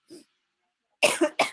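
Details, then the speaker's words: Adult lecturer gives three quick, harsh coughs in a row after a brief faint throat sound, at the end of an online lecture. "Saya mohon maaf ya kalau lagi kedengaran batuk-batuk juga."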